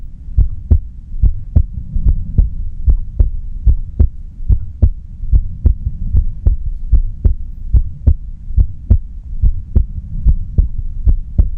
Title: 无台词｜安静听的心跳 No Talking｜Just Listen to Heartbeat